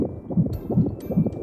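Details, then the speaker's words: Fetal heartbeat heard from the mother's womb, as picked up by ultrasound-based equipment. "Y gracias a la tecnología, ese pequeño gran sonido se puede escuchar desde el vientre de la mamá, como con un equipo especial llamado ecografía, el cual envía ondas sonoras de alta frecuencia al interior del cuerpo y luego capta los ecos rebotan."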